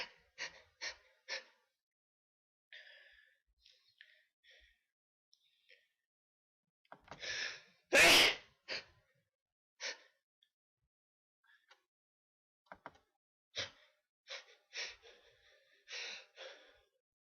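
A series of short sharp breaths and sniffs leading to one loud explosive sneeze, followed by more short breathy sounds.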